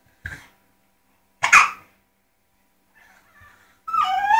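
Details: Hiccups: two brief, abrupt hiccup bursts seconds apart in a quiet room, followed by a short whine.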